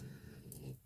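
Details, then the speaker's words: A sleeping French bulldog snores loudly: a low, rattling, fluttering rumble. "Oh là là, il ronfle. C'est une catastrophe."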